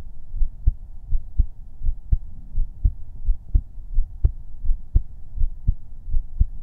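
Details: Heartbeat recorded with a 3Dio binaural microphone on an ASMR relaxation livestream with no talking: a regular low double-beat at about 85 beats a minute with a faint background hum.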